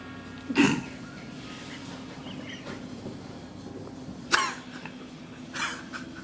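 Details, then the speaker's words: Self-induced sneezes triggered by gently inserting a toothpick into the nose to touch a sensitive inner spot: two or three abrupt, explosive bursts of air separated by quiet room noise. "that's the easy way of making yourself sneeze thank you hope this has been helpful"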